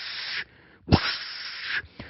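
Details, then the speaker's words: Vocal imitation (not a real recording) of a continuous hissing machinery murmur, with no distinguishable S1 or S2; the murmur of patent ductus arteriosus. "that's a machine murmur at no point with my particular rendition"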